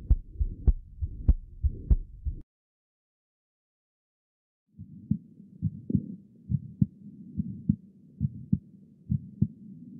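Regular heartbeats with a soft rushing murmur between the thumps, matching mild pulmonary stenosis.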